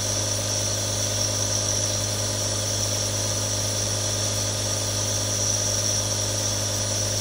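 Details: Three different nebulizers running for relaxation ASMR, real recording: continuous hiss of aerosol airflow over a steady low compressor motor hum with no breaks; nebulizer running.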